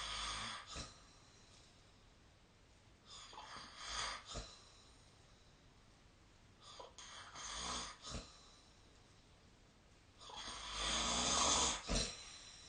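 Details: Loud, harsh snores on each breath in, about four over twelve seconds, with a rough, fluttering quality during sleep, recorded with a snore-tracking app.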